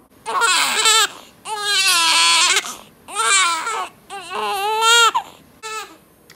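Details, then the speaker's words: A newborn baby girl who has cried all day gives repeated strong wails, each about a second long, with brief breaths between them: infant crying. "It's a wonderful sound. The sound of a crying baby."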